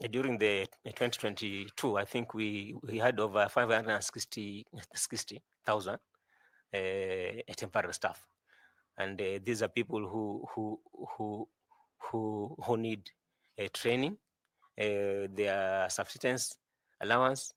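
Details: 41-year-old man who says he stammers a lot, with word repetitions; stuttering.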